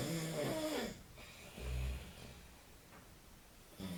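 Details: Real snoring of a man asleep at night: a loud, rough snoring breath, then quieter low breathing, and another snore beginning at the end.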